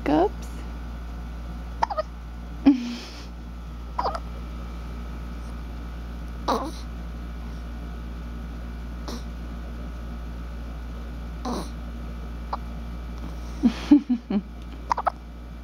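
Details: A two-week-old newborn girl has ordinary infant hiccups, about seven short, sharp sounds spaced a few seconds apart over a steady room hum.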